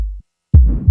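A low heart thump and then a rough, rushing murmur, the harsh systolic murmur of aortic stenosis.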